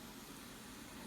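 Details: Steady soft whooshing hum of a Dreamstation CPAP with heated humidifier running at constant prescribed pressure.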